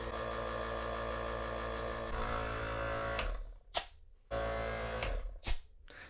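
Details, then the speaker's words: Philips Respironics nebulizer compressor running with tube attached: steady buzzing motor hum, broken by bursts of hissing air as the outlet is covered and released, muffling the sound; noisy device with a small pressure release valve. "So, plug this in. You've got your air end. So, now let's see. It's pretty noisy device, actually. Oh, look at that. If you cover the sides, makes it muffled."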